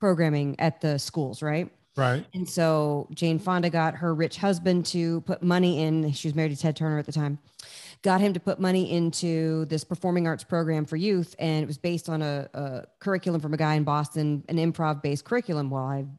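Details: Adult speaker; ordinary speech.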